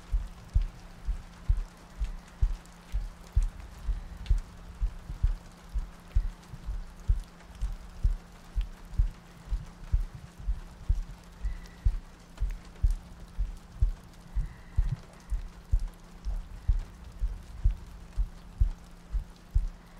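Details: ASMR sleep-aid loop, likely simulated: soft, regular low heartbeat thumps at about 63 per minute under steady rain and a faint hum, meant to sound like lying next to a partner; heartbeat.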